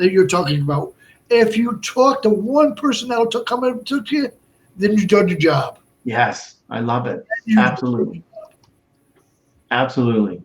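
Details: Adult male stroke survivor and heart transplant recipient with Broca's aphasia for over 8 years after a stroke in March 2011, with short utterances, laborious word-finding and more difficulty with verbs than nouns; Broca's aphasia.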